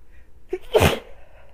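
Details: One forceful explosive sneeze after a short in-breath, from a sniffly person who sneezes after buildups.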